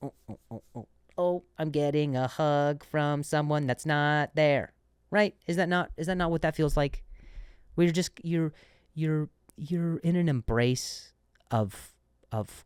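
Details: Stuttering in an adult male comedian and podcast host who speaks with a stutter; he repeats words and says he stuttered on a word and switched to a different one.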